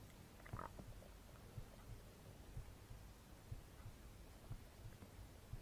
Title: Stomach Growling Sound Effects